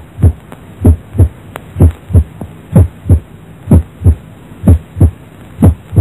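Regular heartbeat about 62 a minute with a prominent, sharp first sound; a loud or snapping first heart sound, typical of mitral stenosis.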